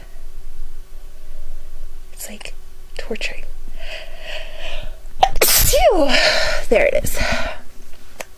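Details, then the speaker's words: Adult woman deliberately sniffing a sneeze-triggering soap, eyes tearing and nose running, builds up with sniffing and breathy sounds to a loud explosive sneeze with voiced cry, then a smaller second burst; induced sneezing. "oh my gosh smell it again oh God oh my God I tickles so badly kind of went away I feel like I'm going to sneeze"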